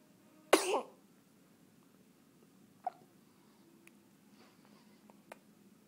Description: My newest baby girl, just 7 hours old, funny sneeze.